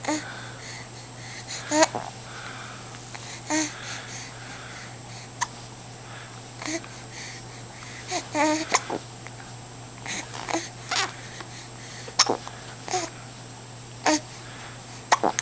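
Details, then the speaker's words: Infant hiccups: small, sharp breath catches about every one to two seconds over steady room hum. "do you have the hiccups do you have the hiccups poor guy it's a big pouty face there"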